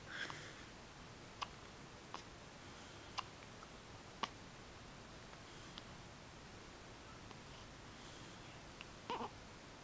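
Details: Infant boy's first hiccups: faint, brief, sharp catches about every second over steady room hiss; hiccups.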